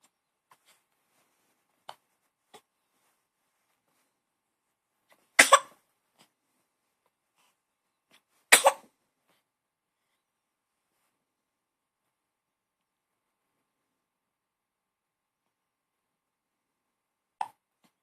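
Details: Two short, sharp bursts a few seconds apart, labelled by the uploader as hiccups, with faint smaller sounds around them in a quiet room. Logged as cough.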